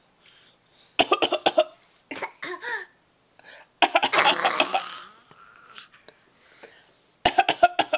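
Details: An infant gives short, deliberate coughing bursts between quiet breaths and soft vocal sounds, a playful voluntary fake cough.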